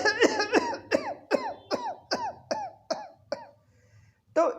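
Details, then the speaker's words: An adult's imitation of a paroxysmal cough: about ten rapid coughs coming one after another in a single breath. "इस प्रकार की खांसी जिसमें एक खांसी के बाद खांसी की फ्रिक्वेंसी इतनी तेज़ी से आती है कि पेशेंट को एक ही सांस में बहुत सारी खांसी आ जाती है।"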